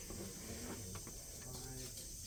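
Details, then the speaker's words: Suction machine running during a function check before tracheostomy suctioning and trach care for a patient with difficulty breathing, set to regular and turned up to 95: quiet, steady motor hum with a soft airy hiss. "so I'll turn it on the regular and I'll Crank It Up to let's go 95 and then my tubing is right here"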